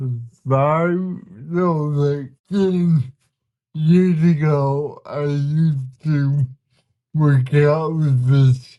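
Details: 32-year-old man with cerebral palsy whose body resists him, making communication hard at times; listeners found him hard to understand at first; dysarthria (cerebral palsy).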